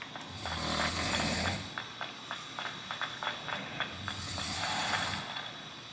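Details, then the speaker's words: Two long, low rattling snores about four seconds apart, with light clicking and a steady room hum between them; ordinary snoring. "Apologies for the coughing, guys. And apologies for the snoring if you can also hear that."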